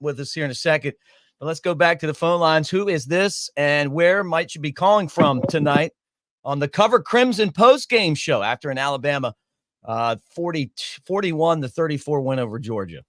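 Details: Adult male speaker; normal voice.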